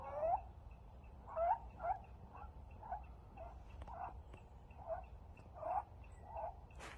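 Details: Five-week-old stray kitten with an upper respiratory infection, wheezing every time he tries to breathe: inspiratory stridor.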